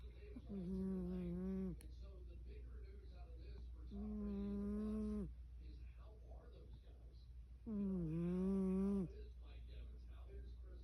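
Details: Fat cat snoring in sleep: three drawn-out, droning, almost hummed breaths about four seconds apart over a steady low room hum.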